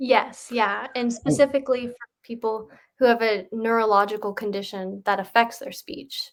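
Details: Adult woman speaking; normal speech.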